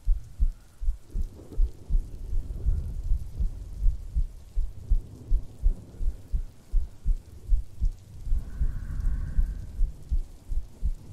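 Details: Soft, steady low thumps at about 80 a minute under rain and thunder, a woman's normal heartbeat in a no-talking ASMR sleep-aid recording with breathing.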